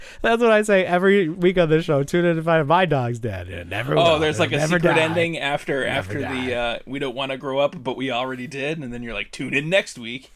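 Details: Adult male speakers, podcast-style conversation; Normal conversational speech.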